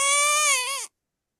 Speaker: That same baby whose laugh made us smile can instantly put us on alert when there's a single cry.